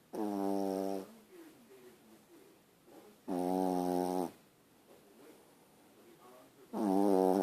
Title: My little Yorkie snores.